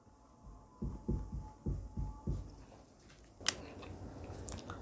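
Low, dull heart thumps in a galloping rhythm, an S3 gallop marking rapid early ventricular filling.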